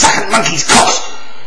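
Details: Adult man with Tourette syndrome acting out the kind of sudden vocal outburst he had at age 7 or 8; demonstrated vocal tic (Tourette syndrome).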